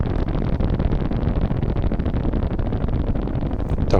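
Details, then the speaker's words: Full interference pattern on needle EMG in a volunteer at maximal voluntary contraction (Neuro-MVP-Micro system), with amplitude and frequency of the complexes within normative values: a normal needle EMG. "все отлично как вы видите наше значение вот этих вот амплитуды и частоты комплексов попали в норматив для данного добровольца"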